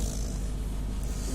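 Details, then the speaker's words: A sleeping Labrador puppy snoring loudly, like a human. "Axle கொரட்டை விடுது. மனுஷன் மாதிரியே விடுது கொரட்டைய."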